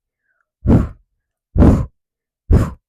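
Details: Three quick breathy puffs made by mouth, imitating the blowing early diastolic murmur of aortic or pulmonary regurgitation.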